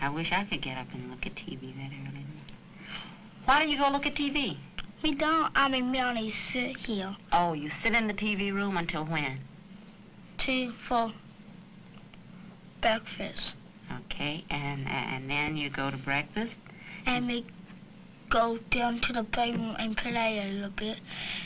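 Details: Speech of a girl attending a summer speech clinic because of hearing loss, learning lip reading and working on final sounds and D and G sounds; speech of a child with hearing loss.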